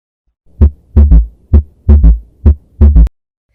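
Regular heartbeat at about 65 per minute with a triple rhythm: a soft, low extra sound follows closely after the second sound each cycle, a third heart sound gallop.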